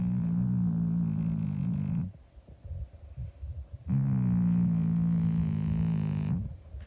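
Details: Long, loud rattling snores on each breath with a quieter pause between, from a sleeping 25-year-old calico cat; ordinary snoring.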